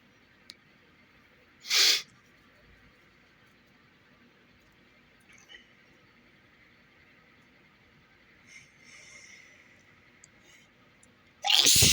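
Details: Two sudden, loud hissing sneezes while in bed, separated by quiet room noise and faint rustling.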